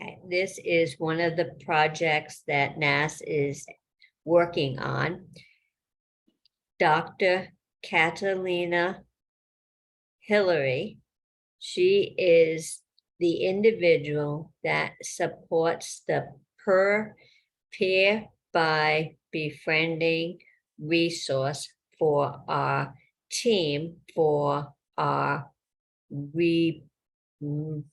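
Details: Woman with aphasia after a stroke almost 3 years earlier, with constant word-finding (tip-of-the-tongue) difficulty.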